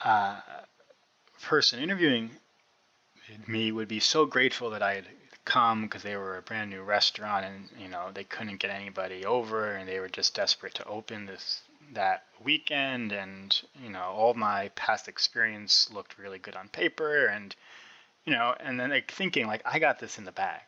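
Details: Adult man who has stuttered since about age six (first grade), with a fairly obvious stutter; two younger brothers also stutter; stuttering.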